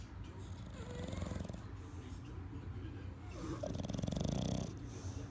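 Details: Bulldog snoring while asleep: a low, rattling snore with a soft whistling edge on some breaths.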